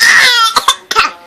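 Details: 5-month-old infant coughing playfully on purpose: a drawn-out voiced sound followed by three short, sharp cough-like bursts.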